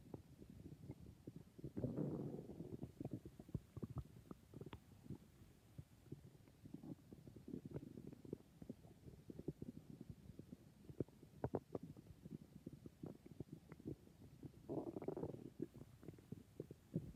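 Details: Stomach growling (borborygmi): quiet gurgles and clicks with two louder rumbling surges; normal stomach and bowel sounds.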